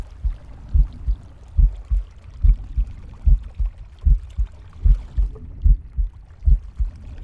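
Regular low double heartbeats, about 74 a minute, over a soft rushing background; normal heartbeat in a pig.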